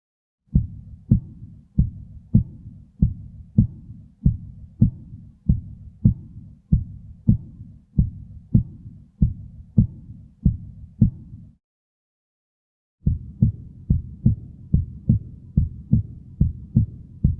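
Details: Normal S1 and S2 heart sounds: steady, clean lub-dub at about 50 beats a minute, no extra sounds or murmurs, presented alongside neck pulsations (jugular and carotid).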